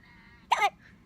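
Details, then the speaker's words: Newborn with repeated hiccups: a single short, sharp hiccup with a brief voiced catch in a quiet room. "Oh my. Another one? Oh. Hiccup. Oh. How many more do you have?"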